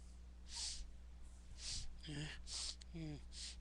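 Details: Person with a very itchy, tickling nose sniffling, with sneezes coming: repeated short, wet sniffs through the nose with brief voiced sounds between them, over steady room hum.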